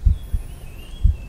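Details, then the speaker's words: Student cardiovascular examination: stethoscope diaphragm on the precordium, patient breathing in and holding; clear lub-dub with first and second heart sounds over all four areas and no murmur: normal heart sounds. "the first and second heart sound can be heard over all the four area and there is no moment can be appreciated"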